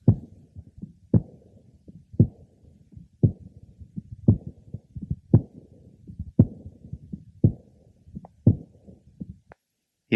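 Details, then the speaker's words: Patient with congenital bicuspid aortic valve and predominant aortic regurgitation, over the aortic area: easily heard aortic ejection sound with an aortic diastolic regurgitation murmur. "now let's listen over the aoic area where the ejection sound is also easily detected"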